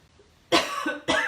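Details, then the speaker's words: Two short, harsh, nonproductive cough bursts from an adult woman who says her throat is dry and a coughing fit is coming; dry cough without rattle. "pardon me there's that dry cough you know what i'm gonna slip a ricola in my mouth"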